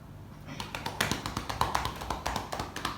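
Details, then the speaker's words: An anaesthesiology nursing student does practice chest physiotherapy on an adult man's back, about 1–2 minutes of chest percussion (clapping). Rhythmic hollow claps come several times a second, done to loosen lung secretions. "Baik, Pak, selanjutnya saya akan melakukan gerakan kedua ya, Pak, yaitu gerakan perkusif."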